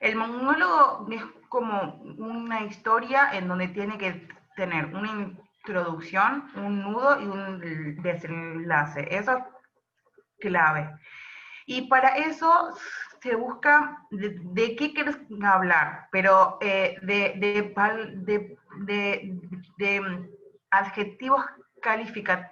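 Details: Adult woman who describes herself as a stutterer (tartamuda), speaking Spanish; stuttering.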